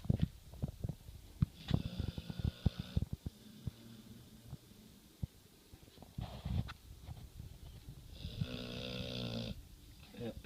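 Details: 112 lb pit bull (also called 115 lb) napping in a laundry basket: loud, buzzing snores on the in-breath, with clicks and rustling between them, as the large dog snores heavily while asleep; snoring.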